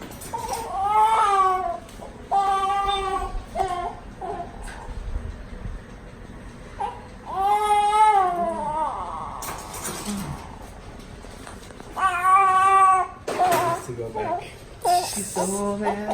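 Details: Newborn just delivered after induced labor, described as the biggest baby: loud, rhythmic crying in repeated bursts with pauses and faint background talk; vigorous newborn cry.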